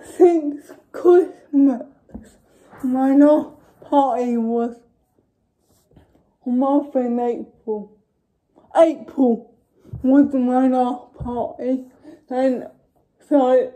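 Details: Dysarthric speech in a young woman with cerebral palsy.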